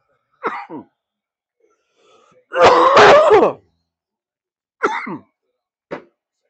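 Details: A cough followed by throat clearing during an NFL wildcard watch party.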